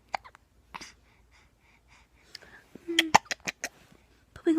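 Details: Unhappy with hiccups: short, abrupt hic sounds among soft vocal noises and fussing; hiccups.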